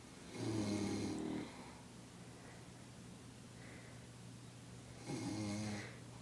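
Two long, low, rattling snores about four seconds apart, with quiet breathing between them.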